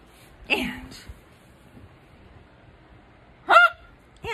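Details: Very strong hiccups in a woman after a seizure, while she lies recovering: two loud, sharp, honking hiccups about three seconds apart, with quiet between them; forceful post-seizure hiccups.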